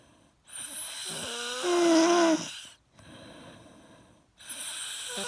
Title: Calming snore